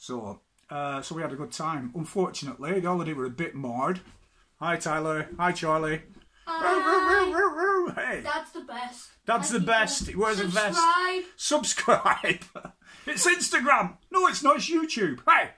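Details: Adult man with Tourette syndrome, interjected vocal tics such as "whoo hey" during speech; Tourette syndrome vocal tics.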